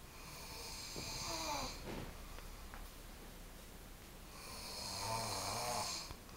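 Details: Overweight child snoring: two long, harsh, noisy breaths with a rough rattle, consistent with loud snoring.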